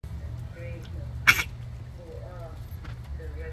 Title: Dog coughing